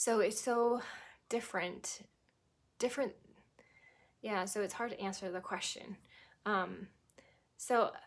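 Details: Adult woman who had a stroke at age 18, about 25 years ago, initially with global aphasia, now recovered to anomic aphasia with pauses, word-finding trouble, verb tense and preposition errors; anomic aphasia.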